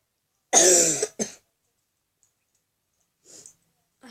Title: cough cough